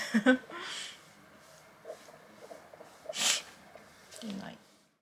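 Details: A father's single loud sneeze that startles a baby aged two months and four days into jumping, amid quiet room sounds and soft voices; sneezing.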